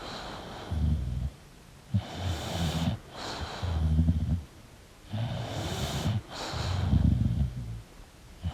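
Loud, rattling snores with snorting on breathing in, roughly 19 breaths a minute, from a sleeping flat-faced dog.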